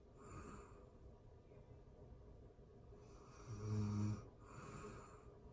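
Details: Real-time recording of a person asleep: low rattling snore on breathing in with soft breaths between; ordinary snoring.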